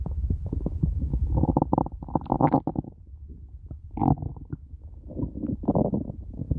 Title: very hungry stomach growling